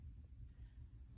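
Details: Normal heart sounds.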